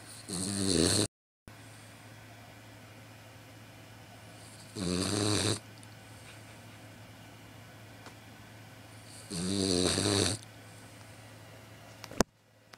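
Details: Snoring from a sleeping 3-month-old Boxer puppy who is quite congested: three loud, rasping, snorting snores about five seconds apart over a steady background hum; snoring with nasal congestion.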